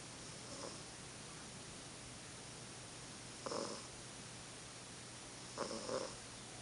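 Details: Sleeping cat snoring: three soft, rasping snores a couple of seconds apart over steady background hiss; ordinary snoring.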